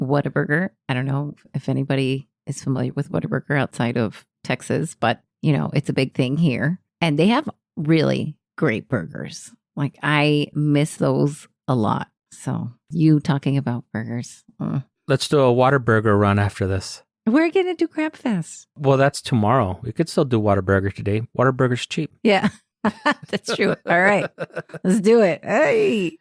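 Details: Adult speakers in conversation; normal voice.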